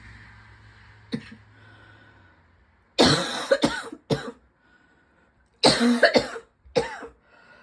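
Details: Persistent cough with a constantly tickly throat and lungs: two harsh coughing fits of several coughs each, with a quiet pause between them.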